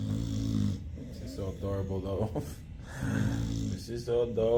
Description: A man can't fall asleep because of his pitbull's snoring.